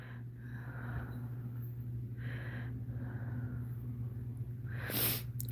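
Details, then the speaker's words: Faint, rough snoring from a sleeping adult man who snores only when extremely tired, heard in the background over a steady low room hum. "like i said vault doesn't usually snore unless he is extremely extremely tired so he must be extremely tired because that is the only time this man snores"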